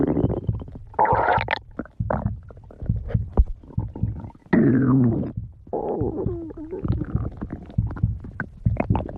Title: stomach growling 43